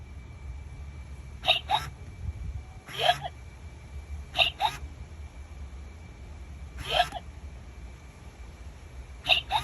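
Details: About seven sharp, gulping hiccups, some in quick pairs, over low room noise; persistent hiccups that won't go away.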